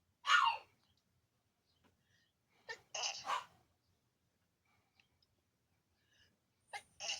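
A sharp sneeze at the start, then a double sneeze and a later pair of short sneezes, with quiet breaths between; about five sneezes in a quiet room.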